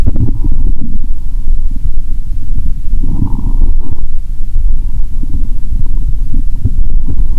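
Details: Borborygmi via stethoscope over the abdomen after drinking cola, belly described as bloated; continuous loud low rumbling and gurgling, ordinary bowel sounds.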